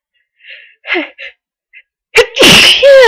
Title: a few powerful sneezes